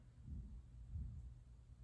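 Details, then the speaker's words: Stethoscope bell at the mitral area (apex) while the patient breathes in deeply, breathes out, then holds the breath; two soft, low heart thumps with no rumbling murmur; no mitral stenosis heard, a normal finding. "In this case, I wasn't able to hear any mitral stenosis, which is a normal finding for."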